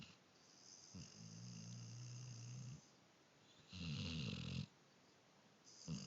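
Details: Long, low, rattling snores on slow breaths, about 10 breaths a minute, with quiet pauses between; loud snoring in a sleeper who appears to smile.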